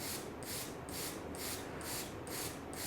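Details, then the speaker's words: Rhythmic hissing gas jets, about two pulses a second, from a Monsoon mechanical jet ventilator firing into a nitrile glove standing in for the lung; occluding it, with the CO2 port closed, gives an inspiratory pressure reading (simulated demonstration). "here we start jetting and we will use a nitrile glove as a substitute for the lung hair and as I kind of occlude it you can see we start to get an inspiratory pressure reading on the monitor"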